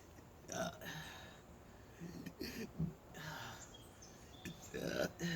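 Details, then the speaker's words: Person with multiple sclerosis during a burping spell, feeling miserable with stomach discomfort and air bubbles felt caught in the chest: several loud burps in a row with soft breathing between; repeated belching. "gosh. At least this ain't the bad burping. Mm. My stomach. I just feel so miserable. Mm. I don't know what I'm burping, so."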